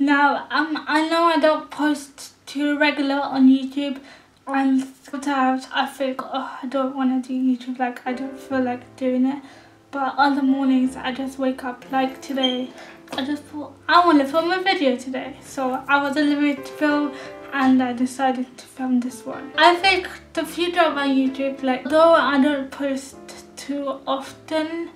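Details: Adult woman living with cerebral palsy, speaking in her own vlog; speech in cerebral palsy (mild dysarthria)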